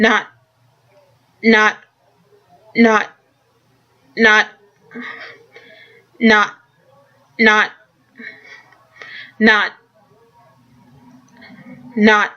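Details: Adult who stutters; word repeated many times before moving on, a block with repetitions, stuttering.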